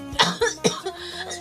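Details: Young woman streamer with a very sore throat and failing voice: three short, rough coughs in quick succession over faint background music.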